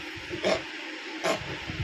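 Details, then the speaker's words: Young unwell pet, sick and coughing repeatedly, about to be given medicine: two short, sharp cough bursts about a second apart over faint room hiss. "কীভাবে কাশছে তোমরা শুনতে পাচ্ছ, দেখছো কেমন আওয়াজ? ইস কি কষ্ট হচ্ছে।"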